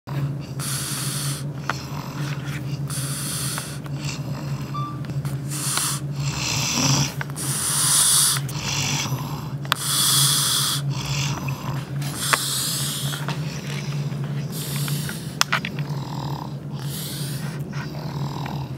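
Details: Eskimo snoring away happily while asleep: rapid, repeated snoring and snorting breaths, noisy on both breathing in and out, over a steady low hum.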